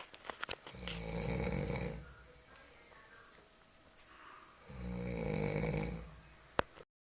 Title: Snoring in the night